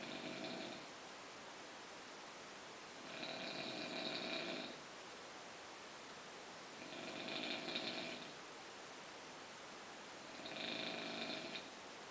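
Rhythmic snoring on each breath in, about 17 breaths a minute, with quiet pauses between.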